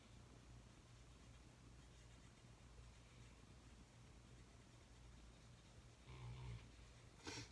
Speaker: dog totally just snored you guys hear that that's so funny